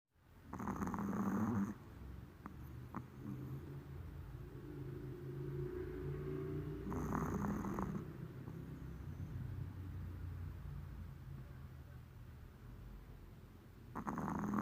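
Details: Sleeping puppy snoring in loud rasping bursts about every six seconds, with a low rumble between them.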